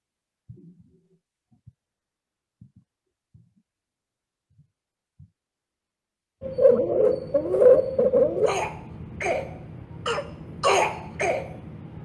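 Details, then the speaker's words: Child: quiet noisy breaths early (stridor), then a run of harsh, brassy barking coughs; stridor with barking cough, typical of croup. "So the initial part is stridor, but then you could see that barking cough in this child in the later part of the Yeah. video, and commonly what you see in proof."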